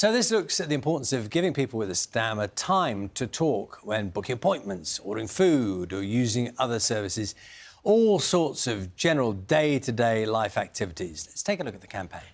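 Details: Adult speaker; fluent speech.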